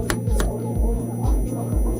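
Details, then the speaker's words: A short film simulates the tinnitus of a DJ: steady high-pitched ringing tones sit over thumping club music as he returns to the club; tinnitus simulation. "we heard some tinnitus there, and that's the movie."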